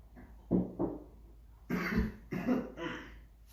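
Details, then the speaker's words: Adult alone at home in a quiet room: two short throat-clearing grunts, then three harsh, forceful coughs. "Yikes. Man, thank God I'm home alone right now because, I just coughed and, man, I miss the days when the sound of a cough wasn't equivalent to, a gun being fired."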